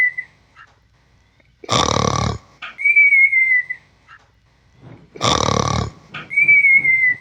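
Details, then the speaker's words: Cartoon-style snoring effect: two rough snore-like inhalations, each followed by a whistling exhale, keeping another character awake. "I'm trying to sleep but I can't because Ben won't shut up"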